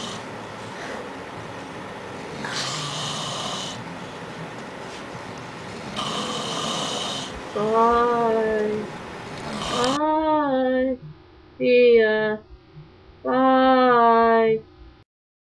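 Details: Rough snoring breaths from a sleeping father, then loud, tonal, whistling snore-like sounds that may be edited or exaggerated; snoring.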